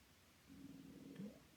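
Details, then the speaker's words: Stomach growling (borborygmi) while makeup is applied: a low, wavering gurgling rumble lasting about a second from gas and fluid moving. "If you could hear that, that's my stomach, sorry."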